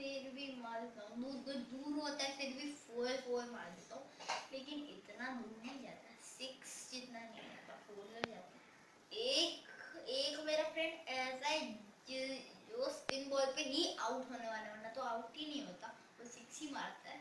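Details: Boy stammering for four years, described as worse with fear, excitement or hurry, reading aloud before a single NLP session; stuttering.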